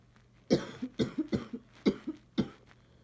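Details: Person with severe allergies and bad sneezing, now coughing, who wonders whether the cough is allergic: five short, fairly dry coughs in quick succession, some with a small catch after.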